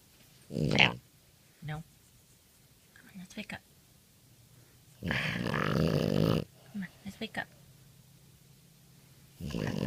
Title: Frenchie Snoring